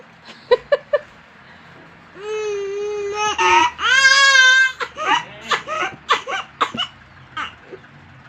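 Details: Young child crying hard, long wailing cries followed by choppy gasping and cough-like bursts between sobs; crying with coughing, quieted when given a phone.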